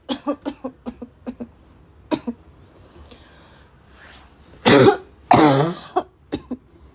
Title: really bad barking cough fit